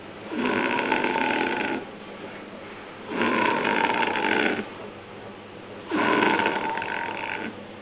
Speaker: ¿Se escucha el ronquido? Una orquesta fea.